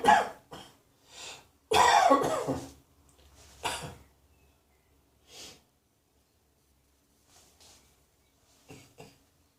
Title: Cross Dressing Coughing 14